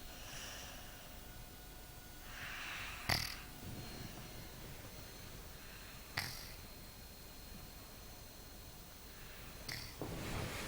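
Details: 4-year-old boy snoring in his sleep: soft, noisy sleep breathing with sharp snorting catches roughly every three seconds in a quiet room.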